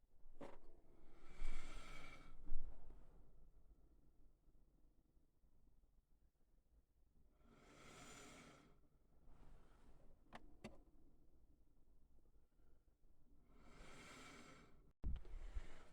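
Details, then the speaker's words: CPAP machine connected to a zip-tied garbage bag as a stand-in lung: soft rushing air bursts repeating every few seconds in a quiet room. "then you guessed it turn the machine on you're going to listen for this sound"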